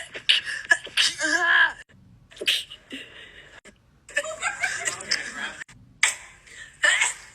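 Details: Monthly sneeze compilation: several sharp sneeze bursts in a row, some with a quick breath beforehand, mixed with laughter and brief talk.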